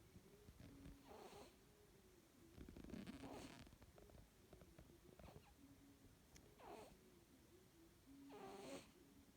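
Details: Snoring during sleep: soft, rhythmic snoring breaths, each with a faint purring flutter, at a low level over quiet room noise.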